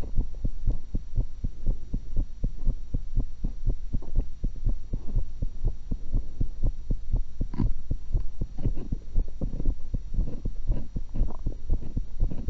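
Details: Own heart recorded with a stethoscope while eating an apple and a cucumber: steady, regular low heartbeat thumps with a constant hum and some chewing noise later; normal heart sounds.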